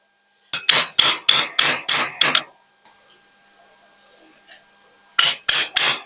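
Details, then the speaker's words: Sharp metallic hammer blows in two bursts of six then three strikes, driving a size 02 cutting jig into the femoral canal during a revision hinged knee replacement; surgical hammering. "Now we are going to use this zig to go inside. This is specific. You can see the 02 size, and we put it inside."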